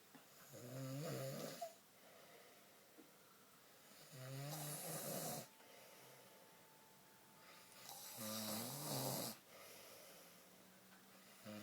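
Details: Ordinary snoring in deep sleep: three loud, rattling snores on breathing in, separated by quiet exhalations, a slow breathing rhythm of about 16 a minute.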